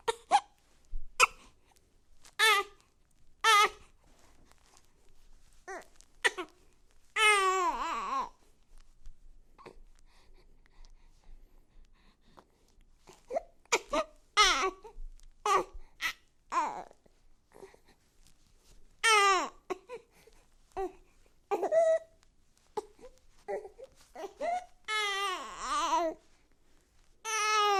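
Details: Infant fusses in short, clipped whimpers broken by a few longer, higher wailing cries in a quiet room; a sound-effect recording: infant cry.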